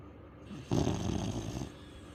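A single loud, rough snoring breath from a sleeping dog; ordinary snoring.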